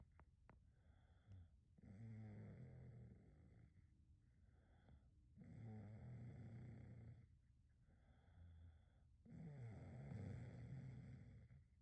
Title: SNORING DOG CAUGHT IN CAMERA#snoring #dogs #dog #dogsoftiktok